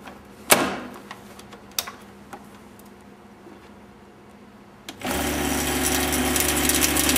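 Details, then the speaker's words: A few clicks and taps, then a steady loud mechanical buzz as a dental amalgam capsule of mercury and powder is shaken in a vibrating mixer; amalgam capsule mixing. "à l'intérieur il y a une petite capsule de mercure et de la poudre et ça ça va se mélanger en vibrant d'accord alors quand on mélange quand on mélange ça se met dans un vibreur"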